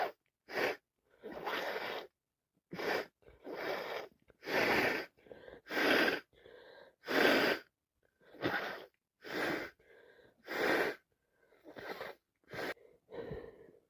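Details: Wet sneezing with yet another cold: about a dozen repeated wet sneezes in quick succession, gasping build-ups and sniffs between; non-stop sneezes with sniffing and slight coughing.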